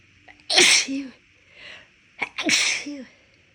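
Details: Person with lingering left-nostril tickle after being sick weeks earlier, forcing sneezes out: two loud, explosive sneezes, each with a short indrawn breath before and a trailing voiced sound after.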